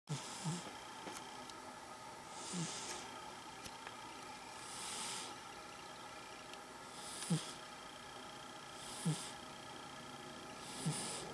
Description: cute cat dreaming and snoring funny